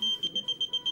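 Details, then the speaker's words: Rapid, high-pitched repeated beeping from a prototype ventilator during a demonstration, sounding when the patient's mask is pulled off or falls; ventilator disconnection alarm. "even if a patient knows or people you must pull the mask the mask falls the system will alarm"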